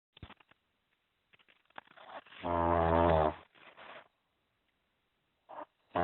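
One loud, vibrating snore flanked by short breathy snorts, separated by silences.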